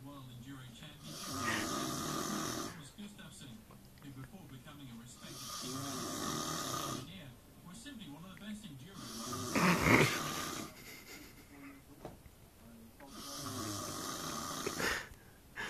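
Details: Extremely loud, harsh, rattling snoring, about four breaths in fifteen seconds, with someone laughing nearby; snoring.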